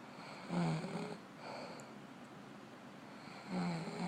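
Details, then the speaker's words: Sleeping female animal snoring: buzzy snoring breaths, with a softer breath between the louder snores. "We'll put it real quiet so y'all can hear the snorage."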